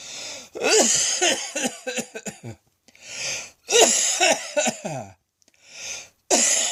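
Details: Almighty midday coughing fit: a prolonged run of harsh, rattling coughs in rapid bursts, broken by long, strained, noisy in-breaths; described as sounding like a heavy smoker and nearly coughing up a lung.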